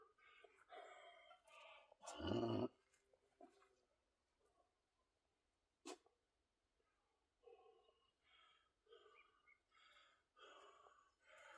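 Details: Repeated harsh, strained cough bursts with rough, throaty sounds between, one much louder, while winded during a back and biceps workout; lung function 46%, cystic fibrosis: productive cough.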